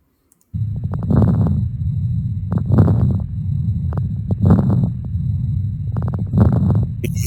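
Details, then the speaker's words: Four breath sounds through a stethoscope with fine clicking, bubbling crackles (rales), like air moving through thin water, presented as a sign of fluid backing into the lungs from left ventricular failure. "water rails or crackles again the correct nomenclature today is crackles but you may hear older Medics older people in in medicine refer to them as rails and again rails are crackles sound like air that's moving through thin water"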